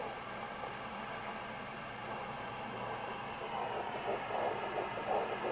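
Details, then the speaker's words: Fetal heartbeat on a Sonoline B home pocket Doppler, in a pregnancy after stillbirth: very fast, soft whooshing at about 175 a minute, mixed with another swishing sound and steady hiss. The device displayed 120, which the mother distrusts. "that's what it sounds like it's very fast it's mixed right now with another sound like i was saying earlier okay that's the heartbeat"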